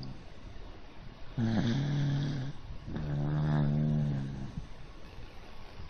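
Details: Pet dog sleeping on its back on an owner's arm: two long, low, buzzing snores, one on each breath in, with quiet between them; snoring.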